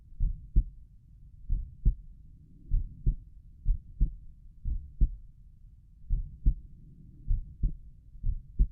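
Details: Normal heart sounds heard through a stethoscope at Erb's point while the person lies down relaxing: steady lub-dub at about 88 beats per minute, with each beat's two sounds clearly separated.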